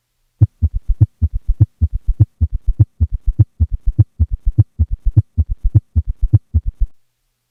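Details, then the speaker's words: Patient with both S3 and S4 gallop; regular heartbeat with extra low sounds before and after the main pair. "here is a patient with both an S3 and an S4 at a heart rate of 60 beats per minute with a recording made during expiration and thus without an S2 split"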